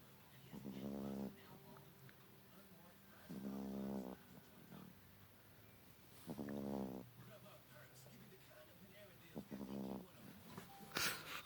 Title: cute beagle snoring